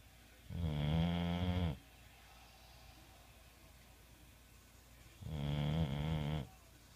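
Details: Sleeping bulldog snoring heavily: two deep, loud, buzzing snores separated by a quiet pause; snoring.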